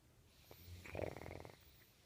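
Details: Snoring: a single rattling, fluttering snore on an in-breath, lasting under a second, in a quiet room.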